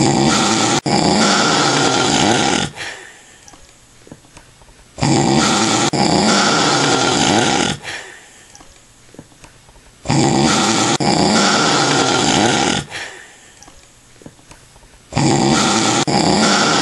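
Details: Adult man snoring heavily after drinking lots of alcohol: loud, rough, rattling snores on each breath in, about four in the clip, with quiet breathing between.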